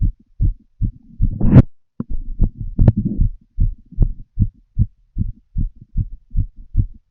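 Regular low heart thumps through a stethoscope, about 75 beats a minute, with brief rustling and breathing noise over some beats.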